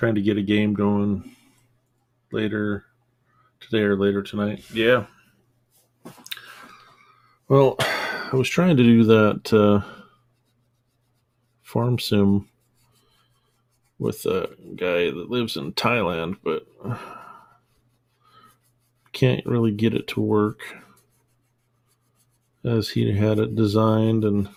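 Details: Adult man with a self-described small stutter, trained not to stutter audibly so it usually shows as mid-sentence pauses, worse when stressed, upset, angry or embarrassed; finding: stuttering.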